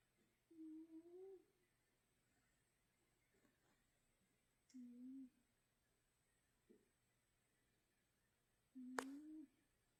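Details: A pet cat snores with short, soft, humming tones repeating about every four seconds in a quiet room.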